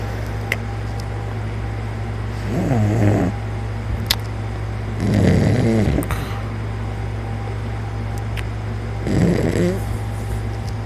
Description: I started snoring like this it's weird as hell I'm very embarrassed by this